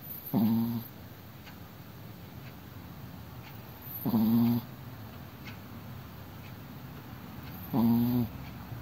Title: チワワのいびき chihuahua’s snoring